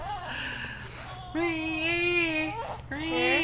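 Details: Infant during tummy time giving a fussy cry in drawn-out wails with a whimpering start, over a low room hum.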